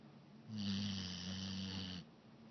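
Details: Pit bull dog snoring, one long steady low rumbling snore with a faint hiss above it, in a quiet room.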